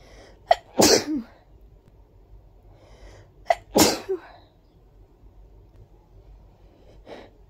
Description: Those were so big and wet... Felt really good letting them out like this 😋🤧